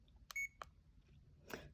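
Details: Short electronic beep with a few key presses from a CADD infusion pump in PCA mode, validating programmed parameters before purging the tubing.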